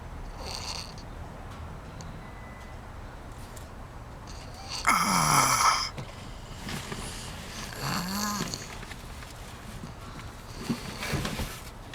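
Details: Light snoring: faint, irregular snuffly breaths with a few short nasal snoring sounds over steady background noise.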